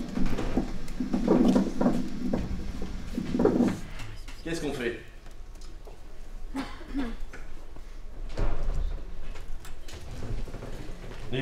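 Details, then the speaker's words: Crackles through a stethoscope: noisy breathing with coarse, bubbling crackles over a young child's breaths, consistent with bronchiolitis. "alors en fait souvent on a l'habitude de dire que quand on entend des crépitant à l'inspiration à mars"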